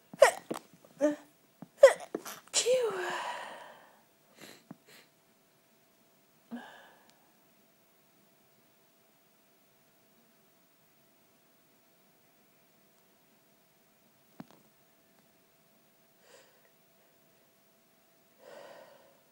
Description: Sneezing fit to wish someone Happy Birthday....